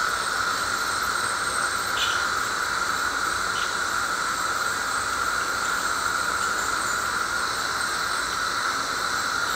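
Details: Ultrasonic scaler used by a dental hygienist to clean a smoker's teeth with heavy plaque and tartar: steady high-pitched whine with hissing water spray.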